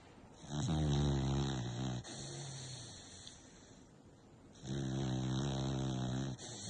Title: Jagger the American bully # Snoring while sleeping #so loud